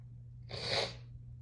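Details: Adult described as tipsy and high: a single soft, hissing sneeze over a steady low room hum; sneeze.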